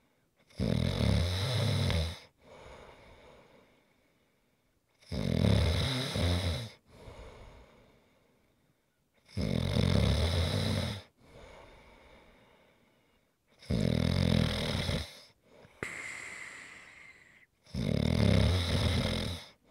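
Five loud, rattling inhaled snores about every four seconds, each followed by a softer exhaled breath, giving a regular snoring rhythm.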